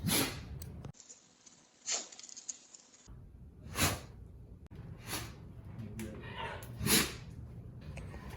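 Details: A dog sneezing.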